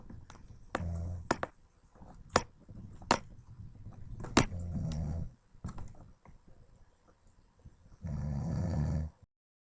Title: my best friend's dad snoring up a storm!